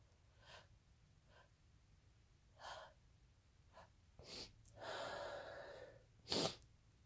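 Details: Induced sneezes using chhinkni: several quick sniffs and a drawn-in breath, then a sharp explosive sneeze; a normal sneeze reflex.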